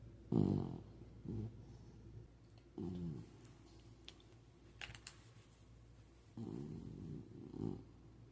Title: VOLUME UP🔊😂 This boy is comfortable and it's definitely obvious #sleeping #puppy #Beebo #snoring